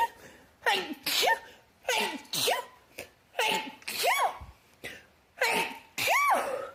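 About eight sneezes in quick succession, each a sharp in-breath then an explosive burst, some with a squeaky voiced tail; rapid serial sneezing.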